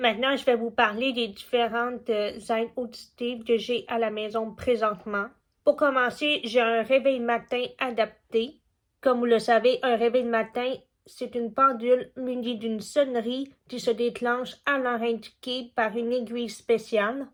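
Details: Young woman deaf since childhood from a genetic condition, still hard of hearing with her cochlear implant; learned spoken French from age 4 at a specialised school and had speech therapy from age 2½ to 12. Deaf speech of a cochlear implant user.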